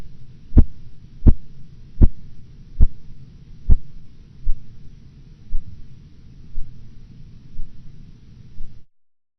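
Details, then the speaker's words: Blood pressure measurement example, 116/90 mmHg: silence until the first Korotkoff sound at 116, then sharp regular taps at about 78/min fading to dull thumps through the phases, vanishing at 90 (diastolic). "You will hear nothing until the first Korotkoff sound appears at 116 millimeters of mercury. The various phases of Korotkoff sounds will be heard until their disappearance at 90 millimeters of mercury."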